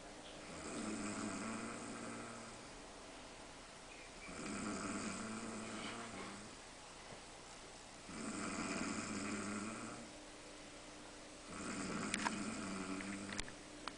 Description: A lovey video showing me snoring while taking a nap with my son.